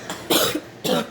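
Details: A child gives two short, harsh irritant coughs in a small room right after taking a shot of sriracha hot sauce.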